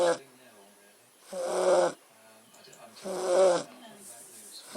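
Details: Beagle snoring: rhythmic rattling snores with each breath in, roughly every two seconds, in a quiet room.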